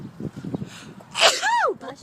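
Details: A single sharp sneeze, a quick in-breath then an explosive burst, over low background chatter.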